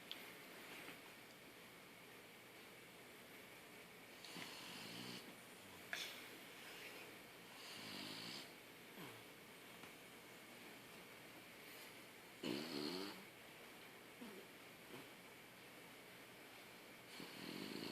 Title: French Bulldog snores with saggy face